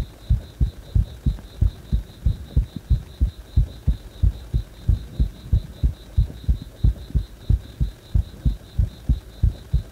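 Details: Heart that stays fast even after release from compression: steady, regular paired heart thumps at about 95 a minute; rapid heartbeat (tachycardia).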